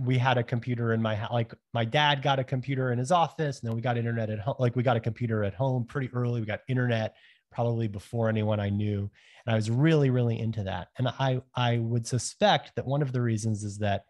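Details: Adult man who has stuttered since he learned to talk, with blocks especially on certain initial sounds; developmental stuttering.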